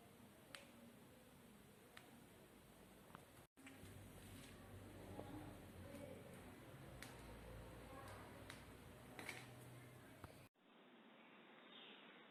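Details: Joint crepitus in an adult over 39 whose joints all creak, knees most painful: repeated sharp clicks and snaps with knee movement. Worsening over a year despite treatment; no diagnosis yet; rheumatoid arthritis blood tests and HLA-B27 negative.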